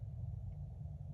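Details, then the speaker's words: Stomach growling (borborygmi) heard while an adult demonstrates sewing notions, a noticeable rumble the adult remarks on. "Ooh, my stomach is growling. Y'all hear that? Okay, that rascal."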